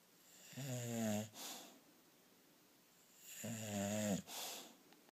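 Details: Snoring: two long, tonal, buzzing inhalation snores about three seconds apart, each followed by a soft breathy exhale, in a quiet room.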